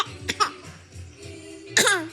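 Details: Young child fake-coughing: two small forced coughs then a louder voiced cough-like burst, an imitated voluntary cough.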